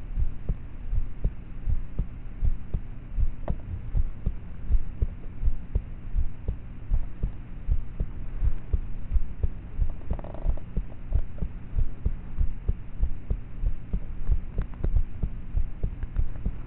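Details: Own heartbeat recorded at about age thirteen at night, using a cheap mp3 player with a mic; faint, steady beats around 80 per minute under a low hum, with loud start/stop noises; poor-quality recording of normal heart sounds.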